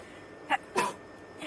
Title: girls sneezing rapidly. #10.|| rapid sneeze.